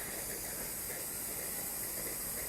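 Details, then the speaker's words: Ethyl chloride cold spray applied around a prepared elbow injection site, elbow resting on a couch, before a 23 gauge needle joint injection: a steady aerosol hiss. "i'm just going to spray some cold spray on you use some ethyl chloride spray just around"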